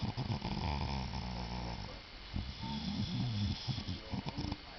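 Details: A sleeping dog snoring really loudly, with loud, rough, rattling breaths in quick uneven bursts; snoring.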